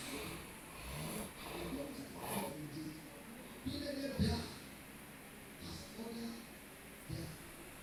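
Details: Adult man asleep in church snoring; low, rough snorting bursts every second or two while a distant voice speaks; snoring.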